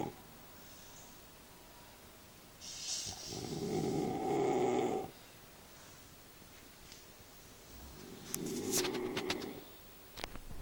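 Two rough, rumbling snores about five seconds apart, with soft breathing noise between them.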